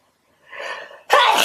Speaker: these just are just such big powerful sneezes it's a hard to contain